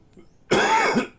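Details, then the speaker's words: Adult cough after a morning of hacking and wheezing, which the speaker suspects is from pollen rather than a cold, with recent cannabis flower use: a single harsh, throaty, partly voiced cough, no clear wheeze. "you can probably hear me wheezing i've been hacking and coughing all morning"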